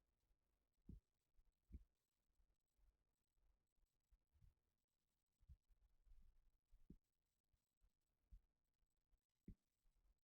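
Quiet, low-pitched gurgles and soft thumps come and go irregularly against near silence, fitting stomach rumbling.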